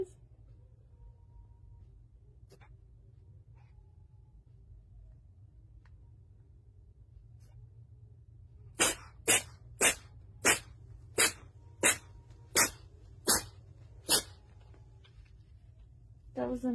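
A rapid run of about nine sharp, explosive sneeze-like bursts after several seconds of quiet room noise.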